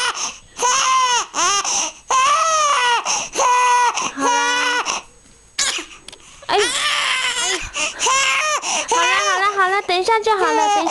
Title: crying for food